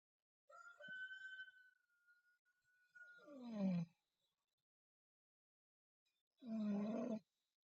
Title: Sleeping Girl Snoring Mouth Open